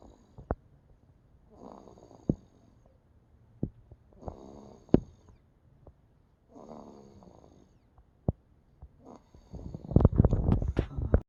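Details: Infant snoring: soft, rough breathing noises recurring every few seconds, amid sharp clicks and handling bumps, ending in a louder burst of noise.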